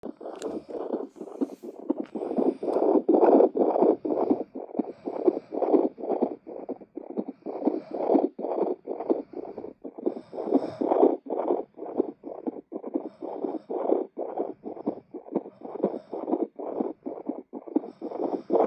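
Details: An adult's own normal heartbeat picked up with a handheld fetal Doppler: steady, rhythmic whooshing pulses with a normal rhythm.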